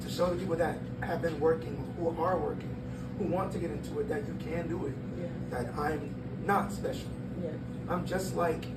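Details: 22-year-old man born prematurely at about one pound, vocal folds developing after birth and still not closing fully; breathy voice from incomplete vocal fold closure.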